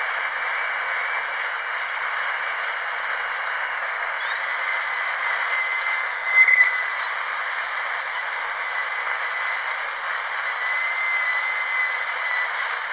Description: Then don't listen to this terrible sound of a dentist's drill, it is extremely painful in the ears.